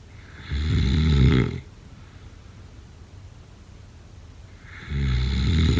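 Deep, rumbling snores with a quiet pause between breaths; ordinary loud snoring.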